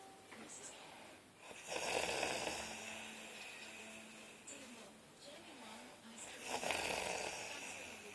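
Harsh, rattling snores come with each breath, about 13 a minute, over faint background voices; snoring during sleep.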